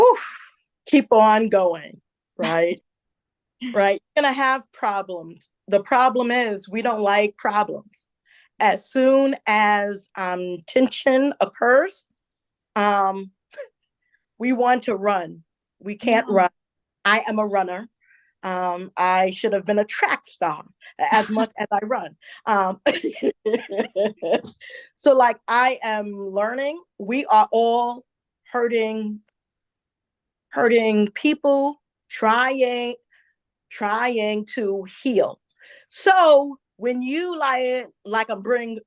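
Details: Adult woman who identifies herself as a stutterer and says listeners will hear her stumble on some words; real, self-reported stuttering.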